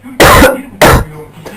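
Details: Adult coughing during a flu epidemic: two harsh, forceful cough bursts with a faint third trailing off.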